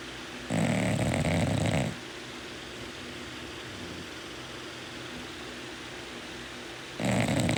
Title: Snoring Bulldog #funnyshorts #snoring #snoringsounds #bulldog #sleepingdogs #cutedog #funny #cute